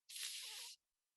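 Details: Clinician's acted demonstration of a child's interdental lisp on /s/, a front fricative in place of alveolar /s/ ('thun' for 'sun'), as typically heard around kindergarten or the first school year.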